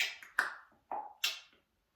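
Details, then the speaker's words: Four abrupt clicking, snapping mouth sounds in quick succession from a person with Tourette syndrome; vocal tic. "that was a tick. Anyway, you might not have somebody with a tick in your happy place, you know, making noises and throwing you off."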